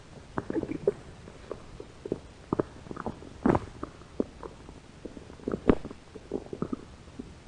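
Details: Hungry American woman's belly: irregular gurgles, squeaks and rumbles; stomach growling (borborygmi).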